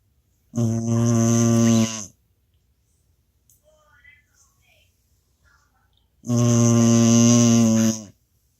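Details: Fur baby sleeping soundly while the husband tries to wake him: two loud, long, rumbling snores about five seconds apart with a quiet pause between, in a small room; heavy snoring.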